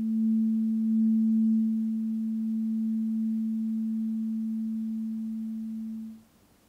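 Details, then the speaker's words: Role-played ASMR hearing frequency test, tuning fork number seven of eight, slightly higher again, played to one side first: steady low pure tone from a struck tuning fork fading after about six seconds. "number seven slightly higher again you know the drill by now the site first ready okay here we go"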